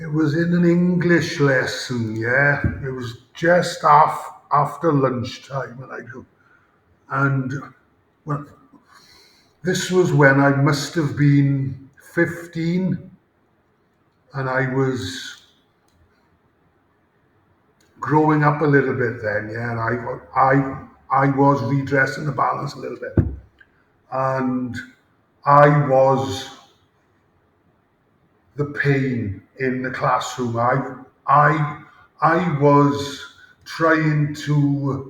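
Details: Adult male former rugby player with a lifelong stammer since about age 5-6, with blocks and speaking difficulty under pressure; stuttering (stammering).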